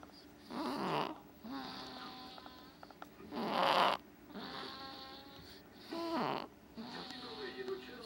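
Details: Soft, rhythmic, vibrating breath sounds with squeaky, whistling tones about every two to three seconds from a sleeping baby; light infant snoring.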